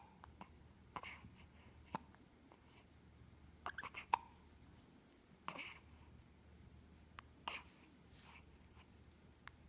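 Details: Baby hiccups: small, sudden hiccups, about five in ten seconds, in a quiet room.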